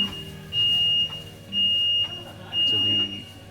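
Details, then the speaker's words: Radiotherapy session for a grade 3 oligodendroglioma brain tumour, patient in a fixation mask after staff leave the room: three long steady high beeps about one second apart over low room hum from the radiotherapy machine. "so here we go they leave the room some beeps come in"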